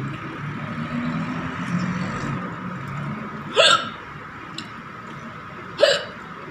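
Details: Hiccups from an adult woman doing a hiccup challenge after eating very spicy green chili with rice and dal, no water taken; two sharp, sudden hiccups about two seconds apart over steady background noise.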